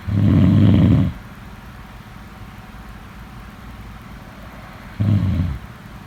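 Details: Two loud, low, rattling snores about five seconds apart, each roughly a second long, with a quiet steady background between them. Snoring, in a snoring sleep-sound recording.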